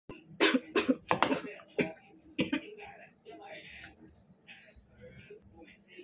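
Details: Adult coughing after eating too fast and choking on food (has choked while eating for two days): a fit of about six sharp, forceful coughs, then throat clearing and soft breathing.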